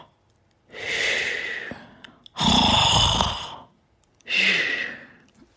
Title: Sleeping & Snoring